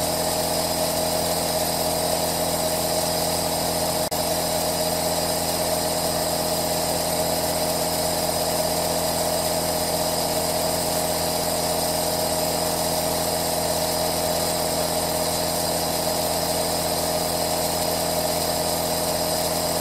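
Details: Aerosol nebulizer recorded as 10-hour 3D ASMR white noise: steady continuous mechanical hum with hissing airflow and buzzing tone, unchanging; nebulizer running.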